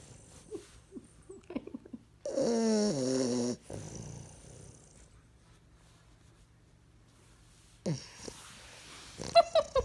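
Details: Sleeping bulldog puppy with tongue out: soft snuffling breaths, then a rough, fluttering snore about a second long, later noisy snorting; snoring.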